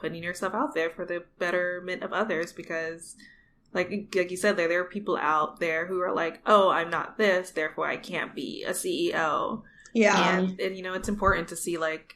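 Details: Adult woman speaking in a podcast conversation; ordinary conversational speech.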